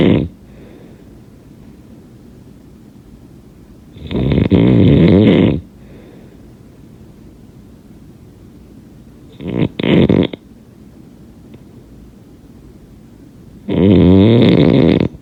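Three loud, rough, rattling snores with quiet breathing pauses between them, irregularly spaced. Typical snoring.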